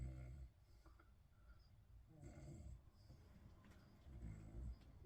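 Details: Joe snoring while lying in a bed: quiet, low, rumbling snores, about three in five seconds, faint against room noise; snoring.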